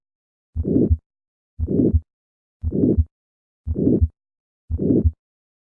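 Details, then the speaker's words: Diamond-shaped systolic ejection murmur of aortic stenosis from a heart-sound teaching recording, heard at the second right intercostal space. "despite this increase in pitch this murmur retains his characteristic diamond shape listen to this murmur first at the second right intercostal space"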